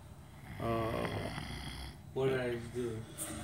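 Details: Adult man snoring: two voiced, droning snore sounds over a noisy room background.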